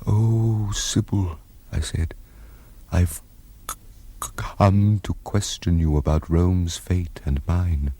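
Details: Acted stuttering by an actor playing Claudius in a BBC drama; another character answers by mimicking his stammer.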